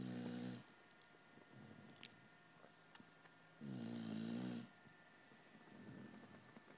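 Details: Dog sound asleep on a lap, snoring: two rattling, buzzing snores about three seconds apart, with quieter breaths between them.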